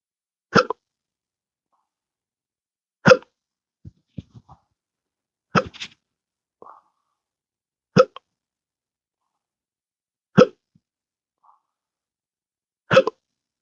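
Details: Intractable hiccups since December 2015, after surgery with nerve damage (pudendal nerve injection, phrenic and vagus nerve involvement): six sharp hiccups about every 2.5 seconds, with small gulps and throat sounds between.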